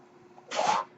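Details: Ventilator noise during the male podcast host's speech, which he says comes from a ventilator: a real mechanical ventilator breath cycle.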